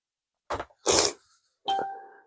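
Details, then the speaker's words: Adult who is feeling under the weather gives three short, harsh bursts, the first two cough-like, the last ending in a brief voiced tone: cough. "I'm really feeling under the weather and I'm I'm hacking and coughing you don't want to hear that"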